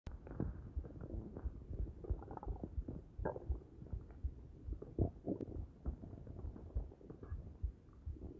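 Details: Continuous low rumbling and bubbling gurgles from the abdomen after eating an omelet and drinking coffee and green tea; ordinary bowel sounds.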